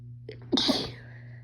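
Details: Female sneezing after announcing she is about to sneeze.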